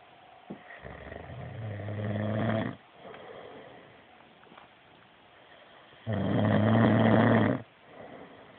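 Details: Adult snoring in sleep: two long, loud, rattling snores on the in-breath with quieter breathing between.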